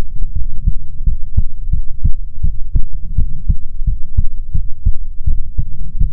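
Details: ASMR heartbeat recording: steady, deep paired thumps at roughly 75 beats a minute over a low background hum; a normal, regular heartbeat.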